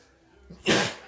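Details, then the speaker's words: An adult man makes a brief in-breath, then gives a single forceful, hissing sneeze, which he attributes to allergies. "that sneeze coming on hold on excuse me wow that sounded very yeah yeah"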